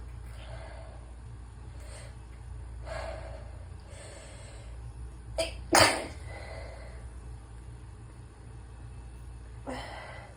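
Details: Congested person with sinus pressure struggling with stuck sneezes: several soft catching breaths over a steady hum, then one abrupt, difficult sneeze.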